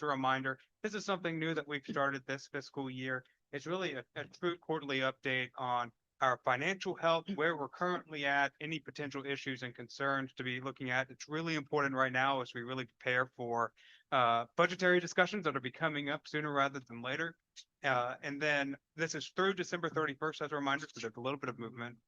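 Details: Adult male speaker; Normal speech.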